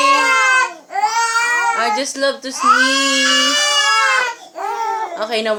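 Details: Infant crying after the mother's repeated sneezing: loud, high-pitched, vigorous wailing in long bursts with short catches of breath between.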